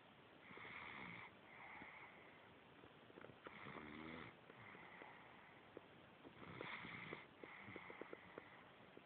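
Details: Baby snoring: soft rhythmic snuffly snores with faint clicks, about three breaths in nine seconds; quiet normal infant snoring.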